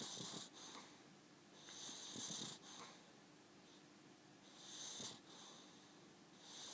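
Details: Snoring during sleep: rhythmic hissing, whistling breaths with soft snorts, about 23 a minute.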